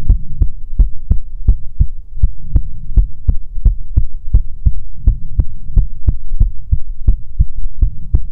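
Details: ASMR heartbeat recording: steady, sharp low heart thumps at about 140 a minute over a constant low hum; a rapid, regular heartbeat.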